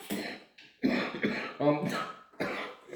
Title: 2023 Starts With a Cough